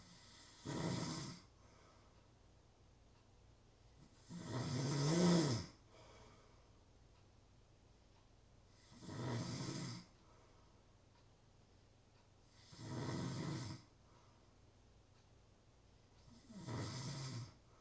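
Slow, regular snoring, about 14 breaths a minute, each a rough, low rumble followed by quiet, against faint room noise.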